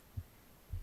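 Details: Heartbeat recorded at the left side of the chest while the person reads aloud for ASMR relaxation: two soft, low thumps less than a second apart over a faint hum; normal heartbeat.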